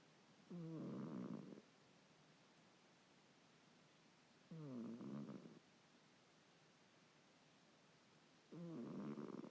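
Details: Cat (Angel) snoring as usual while asleep: soft, fluttering snores with each breath, about four seconds apart, roughly 15 a minute.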